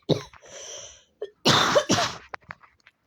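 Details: A harsh, wet cough followed by a sniffle and a second forceful cough burst in a girl who is sick and has allergies, while playing a video game.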